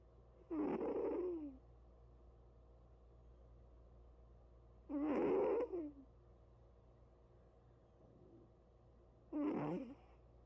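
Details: Snoring while asleep: three rough, fluttering snores spaced several seconds apart, about 14 breaths a minute, with a steady low hum in the room.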